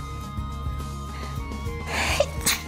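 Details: A single quick sneeze from an adult woman during a livestream, after she mentioned a burning stomach, over steady background music.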